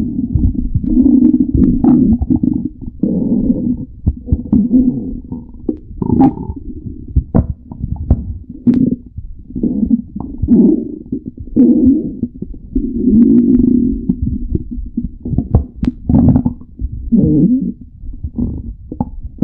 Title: Stomach growling tribute